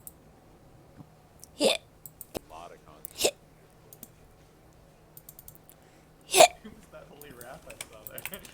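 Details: Hiccups in a woman: three sharp, abrupt vocal bursts a few seconds apart over quiet room noise and light clicking.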